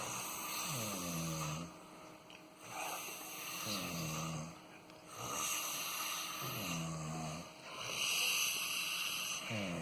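Rhythmic rattling snores on each breath in, about 22 breaths a minute, over steady room hum.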